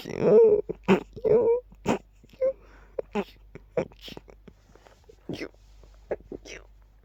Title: Unbelievably quiet and rapid sneezing fit